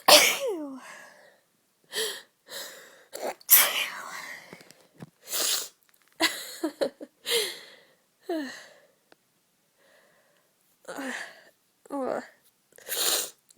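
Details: A run of forceful sneezes, several with a voiced 'ah' lead-in, separated by pauses and quiet talk, from a woman who has had a bad cold for a few days; repeated sneezing.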